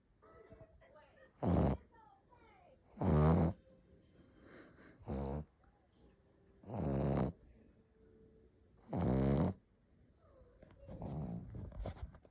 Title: My dog snoring #snoring #cute #pug #funny